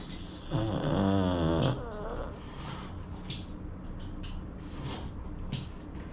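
A loud, buzzing, rattly snore from a short-nosed dog, followed by quieter noisy breathing.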